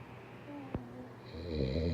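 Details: One short buzzing, rattly snore rising at the end of a breath during sleep; snoring.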